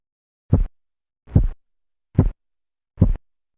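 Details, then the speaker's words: Phase 3 Korotkoff sounds during manual blood pressure measurement over the brachial artery as cuff deflates: four crisp, loud, regular thumps at about 72/min, the phase 2 murmur gone. "en la fase 3 el murmullo desaparece dando paso a un sonido más nítido y de mayor intensidad"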